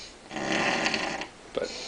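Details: One long, harsh, rattling inspiratory snore followed by a short snort; ordinary snoring in a sleeping person who claims not to snore.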